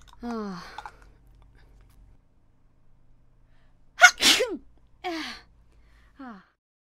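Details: Sneeze recorded for a sneeze-song event: a short bright sneeze burst with a squeaky voiced lead-in, plus brief squeaky vocal sounds before and after in a quiet room.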